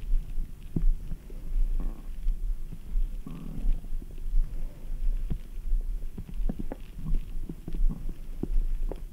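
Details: Active bowel sounds from a stomach after drinking ice-cold Red Bull, with frequent low gurgles and brief pops.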